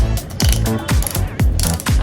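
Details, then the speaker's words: Repeated sharp ratcheting clicks, about two per second, as a hand ratchet slowly turns a dental bone expander into a dummy mandible training model to expand the alveolar bone for implant placement. "So, alveolar bone, as you can see, I'm slowly expanding the bone."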